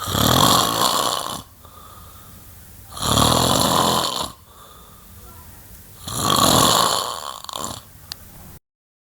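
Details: Sleeping adult man snoring, January 2008: harsh, rattling snores over a second each, about 20 per minute, with quieter breathing between; the recorder wonders whether he nearly stops breathing at one point.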